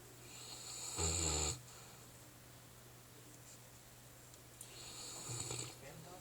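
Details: Snoring from Renzo, a sleeping Mastiff dog; snoring.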